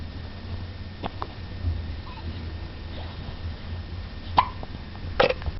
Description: The little guy sneezes and then has some hiccups.